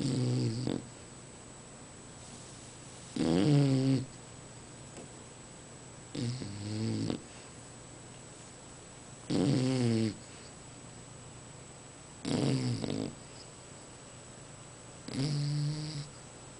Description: Lily Bulldog from Hoboken nj snoring